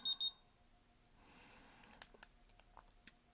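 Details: Two quick high electronic beeps, then soft button clicks from a QQCute digital infrared forehead thermometer, bought in 2017, recalling five stored ear readings that ranged from 97.5 to 98; the user finds it reads 1-2 degrees low.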